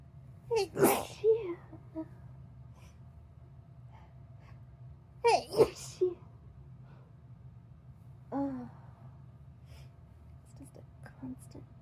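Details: Person sneezing, attributed to allergies and a tickle in the nose: three sharp sneezes, the first two in a quick pair, then a softer third, in a quiet room.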